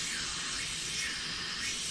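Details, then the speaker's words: Dental high-volume evacuation suction running, with the M7 HVE mirror attached, switched on by a dental hygienist for demonstration; loud steady airy hiss of suction drawing in air. "now i want to see how this works in action so i'm going to turn on my suction here you can hear it"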